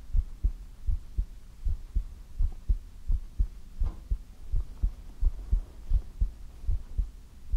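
Steady low paired thumps at about 85 beats a minute over a soft hum; a regular heartbeat.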